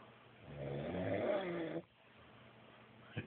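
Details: Snoring in a drunk sleeping man: one long, loud rattling snore on the in-breath, then quiet breathing and a brief snort.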